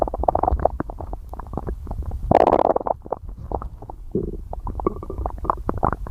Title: stomach growling